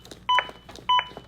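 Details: ZOLL AED Plus demonstration after shock delivered, CPR started mid-chest with Real CPR Help feedback: two crisp electronic beeps about 0.6 seconds apart, metronome pacing compressions at about 100 per minute.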